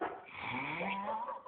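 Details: Heavy snoring of a sleeping man with a goatee, recorded by others urging him louder: one loud, drawn-out, tonal snore with rising pitch, possibly faint music behind.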